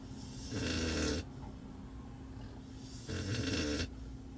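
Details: Rare chocolate Cane Corso sleeping alone in a truck's backseat: two long, rumbling snores, each under a second, with quiet breathing between: ordinary snoring.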